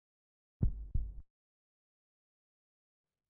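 Two firm finger taps on the back of the chest, each giving a low, hollow, briefly sustained note: a normal resonant percussion note over healthy lung.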